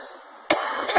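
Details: Adult in an ongoing violent coughing fit who says he cannot stop coughing and believes he coughed up fibers from his lungs: quiet room, then a sudden harsh cough burst, with a second starting at the end.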